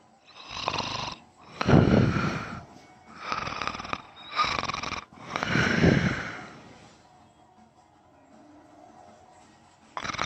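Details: Person snoring and sleep talking: loud, rattling snores on breathing in and out during sleep, then a quiet pause.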